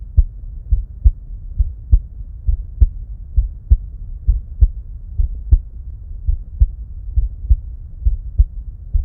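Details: Heart sounds recorded with a 2nd-generation EKO DUO stethoscope alongside simultaneous ECG, no narration: steady paired lub-dub at about 67 beats a minute.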